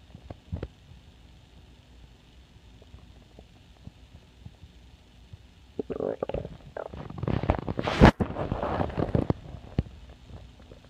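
Low gurgling rumble rising for a few seconds from a quiet background; normal hunger stomach growling.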